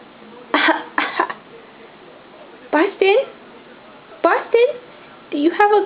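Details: Young child voluntarily performing a fake cough on request: series of short, voiced, put-on coughs in pairs, imitated rather than from illness.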